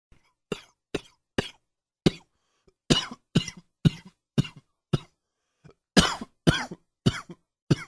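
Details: Morning allergy cough: about thirteen sharp, dry-sounding coughs in quick bouts over eight seconds, with short pauses between.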